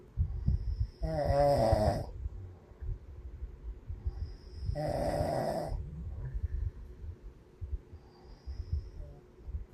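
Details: Someone snoring: two loud, rough snores about four seconds apart, fluttering on the breath in, over steady low room rumble; ordinary snoring.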